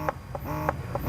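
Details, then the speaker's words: Mamme Bestie wireless breast pump switched on by holding the side power button for 2 seconds, after 11 months of use: a short series of soft electronic beeps at power-on. "So pagka-open natin dito sa power button dito sa gilid pindot lang ng 2 seconds. So maririnig niyo yung"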